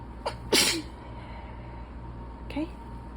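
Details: Person reading aloud during an allergy attack: a sharp inhaled catch, one loud explosive sneeze, then a smaller sneeze-like burst; sneezing.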